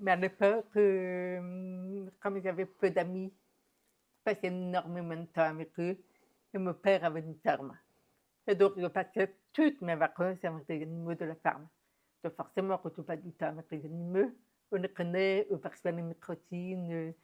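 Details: Adult woman deaf since infancy (diagnosed at 9 months, doctors said she would never speak), who has never heard her own voice and learned to speak through about 20 years of speech therapy and lip-reading; deaf speech.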